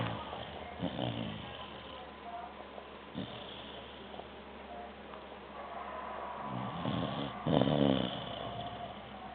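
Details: Jazzy, a female dog, snoring while asleep: soft rattling snores with each breath, mixed with room noise.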